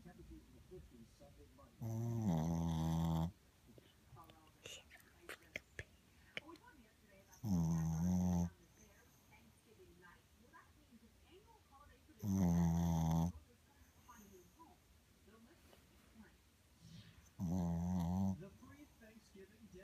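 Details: Mother snoring during sleep: four deep, rumbling snores about every five seconds, roughly 12 breaths a minute, with quiet room noise between; steady adult snoring.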